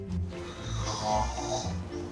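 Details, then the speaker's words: A low, rough snoring sound from a sleeping adult man monitored overnight in a sleep clinic, partly masked by music; snoring attributed to tonsils and adenoids, with tonsil and adenoid removal advised. "You need your tonsils and adenoids out. Just whip them out. I don't think you'll snore anymore."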